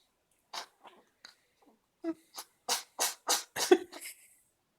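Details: Cat with a cold that could not stop sneezing: a rapid run of about eight short, sharp sneezes with small sniffs between; repeated sneezing.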